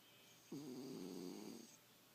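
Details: Cat snoring; a single drawn-out, buzzing breath sound with a rattling, vibrating tone, lasting over a second.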